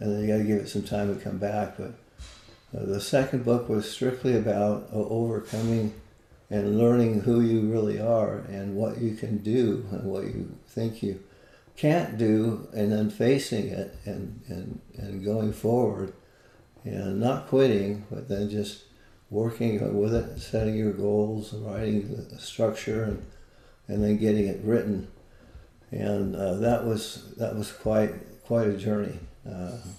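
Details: Adult man with Parkinson's disease, a neurodegenerative disease, for more than 20 years, with visible shakes; Parkinsonian speech (hypokinetic dysarthria).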